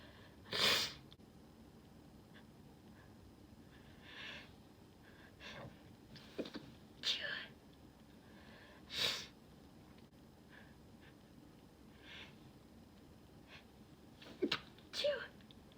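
About four forceful sneezes, each a sharp explosive burst of air, separated by quiet pauses and faint room noise.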